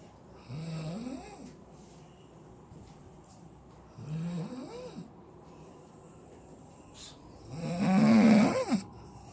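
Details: Three loud rattling snores on inspiration, a few seconds apart, the last loudest; ordinary snoring during sleep.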